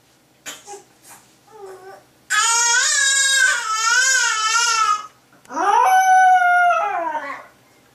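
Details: A baby who won't stop crying gives long, wavering, high-pitched wails after a few short whimpers, mixed with a dog howling; infant crying.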